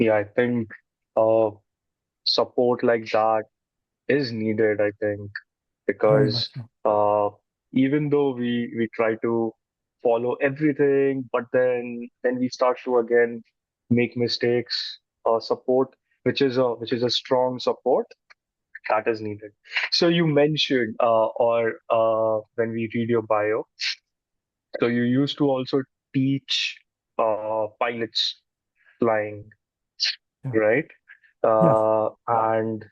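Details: Adult man, a podcast co-host who describes himself as someone who stutters; word and phrase repetitions heard; stuttering.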